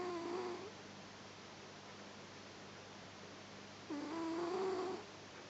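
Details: Newly adopted cat snoring while asleep: two soft, squeaky, whistling breaths a few seconds apart, a light tonal snore over quiet room noise.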